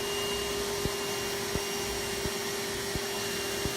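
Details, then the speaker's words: Aerolase laser treating facial rosacea redness, slow overlapping passes with cooling pauses after 150–200 pulses: steady fan hum with faint constant tone, broken by soft regular pulse clicks about 86 a minute. "to this treatment is patience you have to have patience CU you got to go nice and slow nice overlap again we wait after about 150 200 pulses let it cool down"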